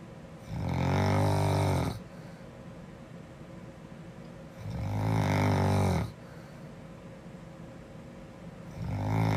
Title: Snoring girl 2